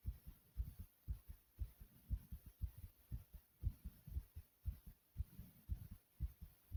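Strong, regular low lub-dub thumps at a quick pace of about 118 beats a minute: a pounding heartbeat.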